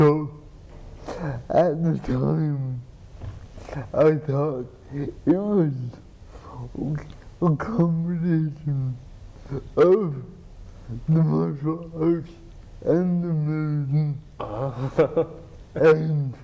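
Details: Adult man with cerebral palsy and dysarthria, who has a pump that injects medicine into his spine to reduce spasticity; dysarthria.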